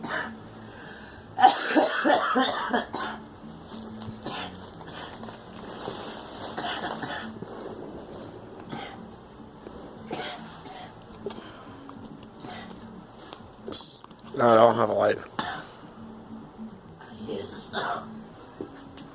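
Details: Girl coughing in a couple of short bursts separated by quieter stretches, against faint room noise; cough.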